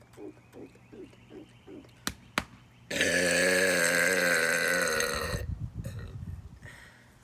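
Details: Deliberate burping in a challenge comparing burps after 5, 10 or 20 air-swallowing pumps: several short low belches, two sharp clicks, then a long, loud burp of about two and a half seconds, softer ones after.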